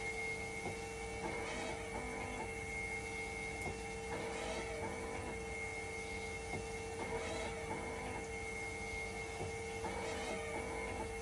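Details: Hemodialysis machine running in dialysis mode during a repair test for a "5 V and level detector always failed" fault, waiting for temperature and conductivity to stabilize: steady hum, constant tone, pump-like pulses about every three seconds; conductivity not dropping.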